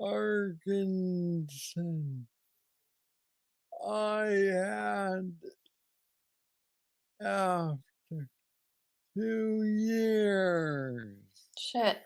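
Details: Hypokinetic dysarthria in a man with aggressive Parkinson's disease diagnosed at age 35, about nine years earlier, treated with a brain stimulator implant.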